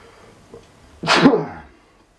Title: Heavy sneezes Like a Loud Mad Man